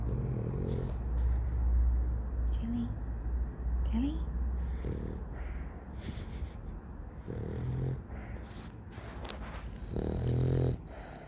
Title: Dog snoring loudly